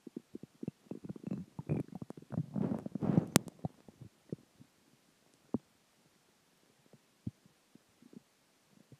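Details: Stomach growling after dinner, water and gas: bubbling, gurgling rumbles that swell then fade into scattered pops; borborygmi.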